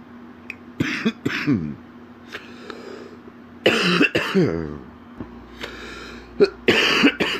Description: a man is sick with an extremely stuffy nose and an absolutely horrible cough